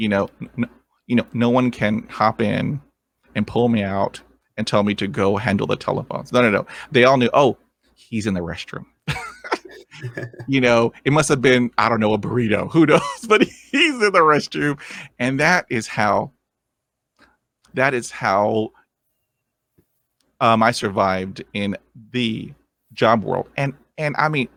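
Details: 23-year-old man with lifelong stuttering, first vividly remembered around age seven; he has had speech therapy and attended an intensive fluency program: stuttering.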